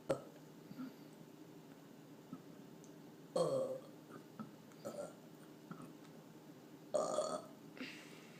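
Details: Burping recorded on a day of repeated burping: several burps, two louder and longer among smaller ones, with faint background room noise.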